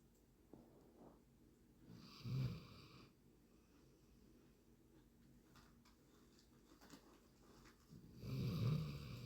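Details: Mild snoring in a dog: two soft, low snores about six seconds apart over quiet room noise.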